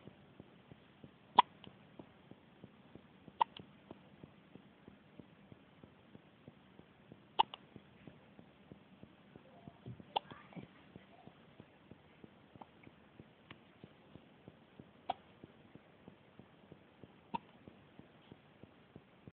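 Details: Day-old newborn baby with hiccups: soft, sharp little catches repeating every couple of seconds in a quiet room.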